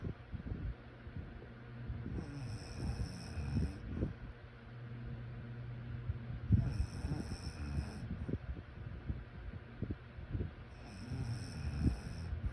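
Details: Low rumbling snores rising and falling with slow breathing in a noisy room, faint high-pitched tones at intervals; snoring during sleep.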